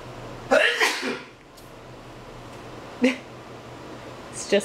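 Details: A person's loud sneezing startles a dog playing frisbee: a sharp sneeze burst, followed by brief vocal sounds over a steady low room hum.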